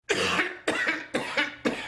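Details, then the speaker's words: 65-year-old man with nearly three years of chronic cough from tracheobronchomalacia, worse when lying down: four harsh, repeated coughs in quick succession. "for nearly three years a 65 year old could barely hold a conversation without a coughing fit and even worse whenever I laid down to go to sleep it wasn't one 10 or 15 minutes before I woke up in a coughing fit"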